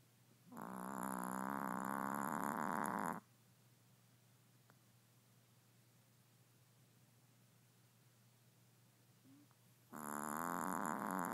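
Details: Snoring on a cold morning; snoring.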